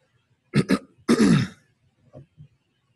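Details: Adult male football player after a coughing fit post-game, reporting shortness of breath and trouble taking big breaths: two quick coughs then a longer, rougher throat-clearing cough, then quiet breathing.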